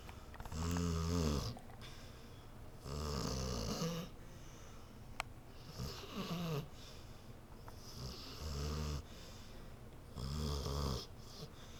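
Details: Low, rumbling snores about every two to three seconds, roughly 25 per minute, from a female dog sleeping on a couch, sometimes with eyes open, in a quiet room; dog snoring.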